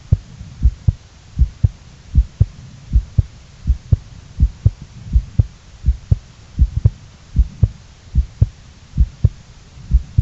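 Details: A second heartbeat recording: steady paired low lub-dub heart sounds at about 78 beats a minute.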